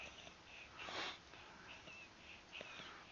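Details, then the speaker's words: Audible wheezing from a young girl in respiratory distress with visible supraclavicular retractions, shown in a pediatric respiratory emergencies teaching video; wheezing. "okay so what I noticed in this young lady um as far as breathing patterns you can out you can hear audible wheezing them with this little girl"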